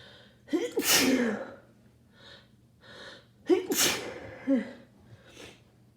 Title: Rapid sneezing from my cold (and nose blows)